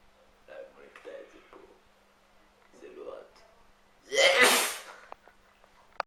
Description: Super Sneezing man! This man can't stop sneezing...